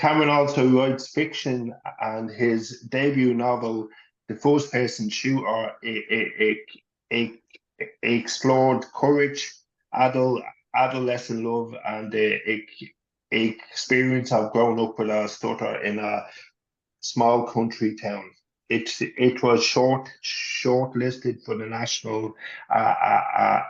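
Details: Adult male who has stuttered since he could talk, was covert for much of his life, and had speech therapy from age 11; reports panic attacks, an anxiety disorder and intermittent mild depression; appears largely fluent now; stuttering.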